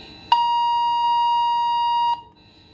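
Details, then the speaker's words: 7-tesla MRI scanner patient alarm after the participant presses the call button: a loud, steady, high beep of about two seconds, then cut off when the operator resets it with the speak button. "as you can hear it's very loud you don't need to panic"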